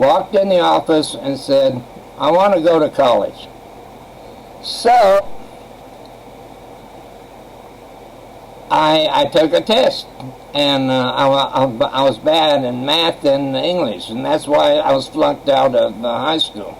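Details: Adult man who has stuttered since age 7, attributed by a doctor to childhood trauma and severe in childhood; stuttering.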